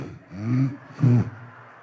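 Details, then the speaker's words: Dog snoring in both directions: two low, rumbling rasps about half a second apart, one on the breath in and one on the breath out. "porque hay gente que ronca cuando agarra el aire así de hay otra que ronca cuando lo suelta Rigoberto para los dos lados señor ahí"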